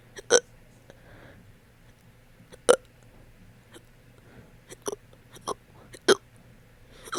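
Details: Hiccup burps after eating that have lasted about 30 minutes: short, sharp hiccup-like gulps at irregular intervals, about six in seven seconds.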